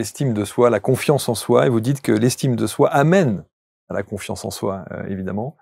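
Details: Adult male speaker; Normal speech.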